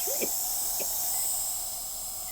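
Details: A steady, airy hiss from a nebulizer and mask during an ambulance callout for a woman's acute asthma attack, with wheezing in both lungs worse on the left; a brief voice breaks in at the end.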